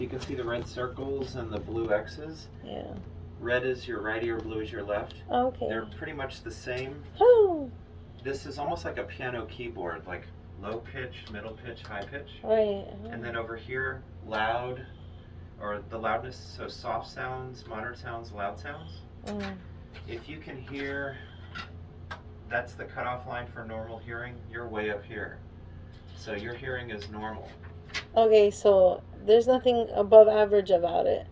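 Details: Adult man speaking; ordinary speech.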